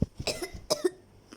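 Two short, harsh cough bursts from a child, acted for comedy, with a brief voiced sound between them in a small room.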